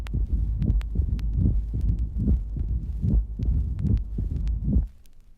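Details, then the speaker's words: Mitral stenosis at the cardiac apex, about 73 beats a minute: loud accentuated first sound preceded by a low rumbling diastolic crescendo murmur; split second sound. "Mitral stenosis, recorded at the apex of the heart. The loud accentuated first sound is preceded by a diastolic crescendo murmur. The second sound is divided."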